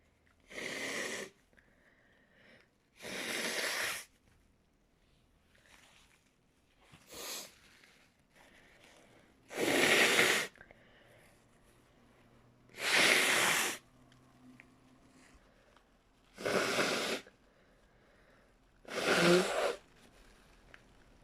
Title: sneezes with lots of nose blowing